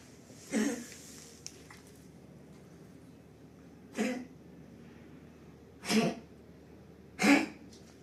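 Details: Pug with kennel cough, four short, harsh, honking coughs over eight seconds; vomited in the first days, since recovered.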